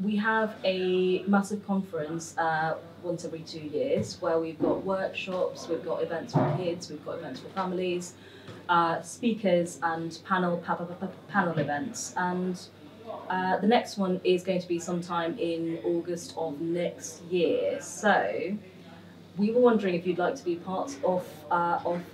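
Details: Adult woman speaking; no speech disorder.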